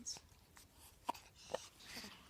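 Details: Cat trying to eat popcorn, which makes her sneeze: a few short, sharp bursts in a quiet room, fitting small cat sneezes.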